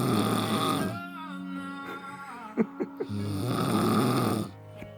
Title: little lady that snores like a 20 stone man